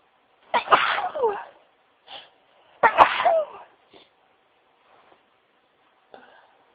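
Two loud, sharp sneezes with a quick breath in before each, muffled in a tissue, followed by quieter sniffs.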